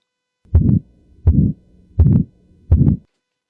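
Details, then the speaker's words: Regular heartbeat near 83 a minute, each beat followed by a rough rushing systolic murmur typical of aortic stenosis; the speaker notes the same sound may come from a healthy heart under anxiety or stress. "आपने जो अभी सुना दिल की धड़कन की आवाज एक डॉक्टर अगर यही आवाज सुनेगा तो बिना हिचकिचाहट के बोल देगा यह तो एओटिक स्टेनोसिस है। आपकी ब्लॉकेज है। आपका हार्ट फेल हो जाएगा।"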